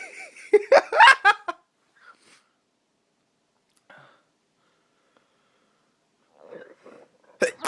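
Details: A quick burst of sharp, explosive sneezes early on, attributed to allergies, then near silence with faint sounds near the end: sneezing.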